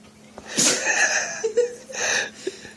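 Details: Husky sneezing after being given beer: two sharp, hissing bursts of air close together with a short vocal sound between.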